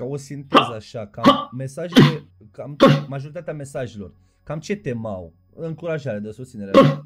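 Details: Adult male speaker; normal speech.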